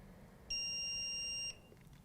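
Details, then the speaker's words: Single steady high-pitched electronic tone of about one second from a CPAP ozone disinfector, signalling that its ozone disinfection cycle for the CPAP machine and tubing is complete. "When the machine is finished, it'll make a noise like this,"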